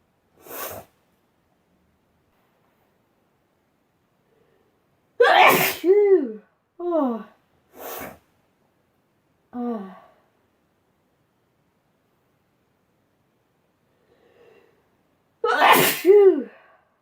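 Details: A series of sharp sneezes, some led by a rising 'ah' breath and with a voiced trailing sound, separated by silence, from a sneezing compilation; sneezing.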